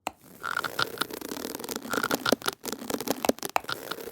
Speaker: That is the sound of teeth grinding together, and we call it bruxism. And you may not know that is happening as you're sleeping.